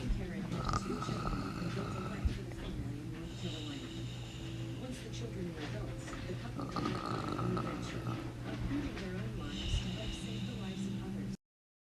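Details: Snoring during sleep: low rumbling snores recurring about every three seconds, some with a faint whistling tone, over steady room noise.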